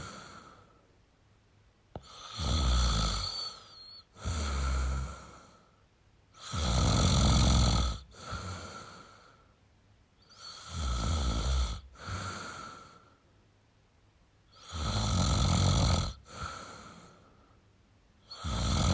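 Repeated deep, rattling snores on each breath in, with softer breaths out, roughly 14 cycles a minute; typical adult snoring.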